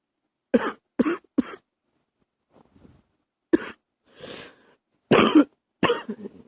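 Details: Early-morning coughing while trying to stay quiet: about six short, harsh coughs, some single and some in pairs, with quiet breaths between them in a quiet room.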